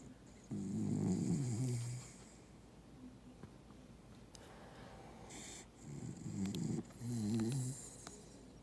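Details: Beagle-corgi mix dog asleep on a couch: rough, rumbling snores in repeated breaths with quieter gaps between; dog snoring.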